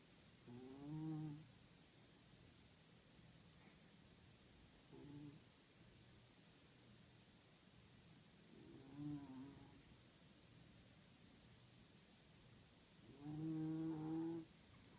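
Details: West Highland white terrier snoring: soft, low snores about four times in fifteen seconds, roughly 16 breaths per minute, over background hiss; owner jokes it may be learned behaviour.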